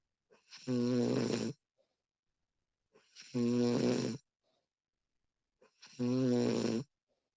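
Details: Three loud, rattling, voiced snores on in-breaths, about 23 a minute, with quiet breathing between, in a quiet room, from a woman recorded during sleep; typical snoring.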